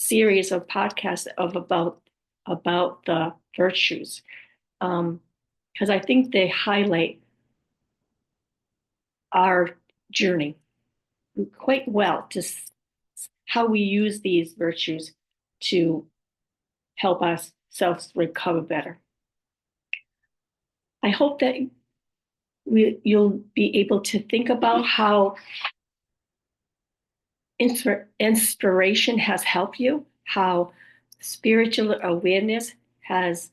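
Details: Adult woman with aphasia, apraxia of speech and other communication challenges after a stroke, with word-finding difficulty; aphasia with apraxia of speech.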